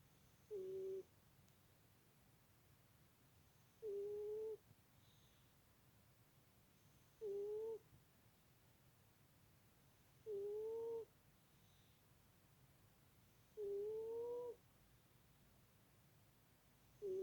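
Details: Tiny, high, squeaky whistling snores during sleep, very regular at about 18 a minute, in a quiet room.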